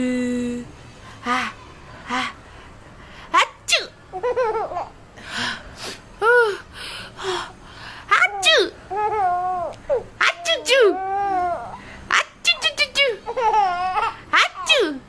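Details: Adult with flu sneezing loudly, real then pretend, in quick repeated bursts while rocking a baby to sleep, each answered by the baby's giggles and laughter; sneezing.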